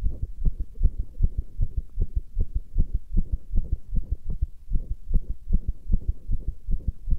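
Fast, fairly regular low thumping heartbeat at about 150 beats a minute with a faint hum underneath.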